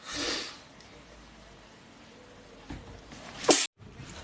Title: Insta sneezing